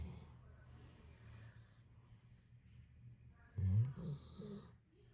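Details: Snoring: low rumbling breathing noise with a louder snort-like snore near the end.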